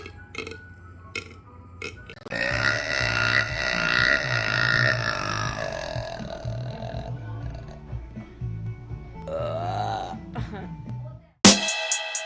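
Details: Burping compilation: a long, loud, rumbling belch with shorter burps around it, over background music.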